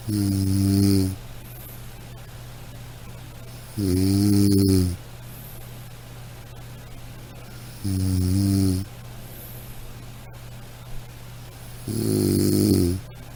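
Steady, deep, buzzing snores about every 4 seconds, around 15 a minute, over a constant low hum: regular sleep snoring.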